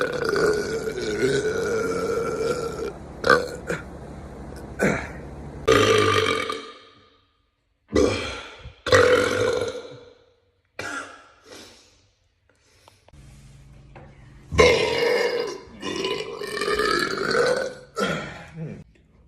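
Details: A man burping: a series of long, loud, rumbling belches with short pauses between them; repeated burping.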